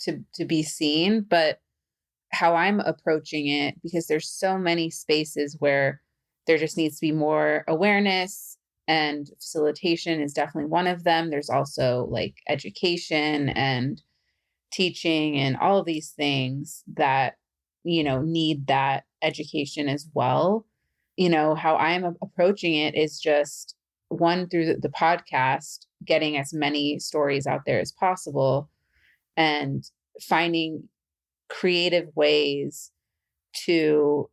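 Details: Adult woman who stutters and says she has become good at hiding it; stuttering.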